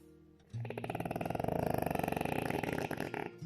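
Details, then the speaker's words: Stertor in a sedated dog with brachycephalic obstructive airway syndrome: a loud, rattling, fluttering snore over one long breath. "слышите то вы слышите этот крюк храп и всё вместе взятое так вот в состоянии релакса животное дышит"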